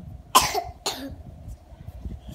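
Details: Child coughing at home: two short, sharp cough bursts, the second softer, with faint room noise.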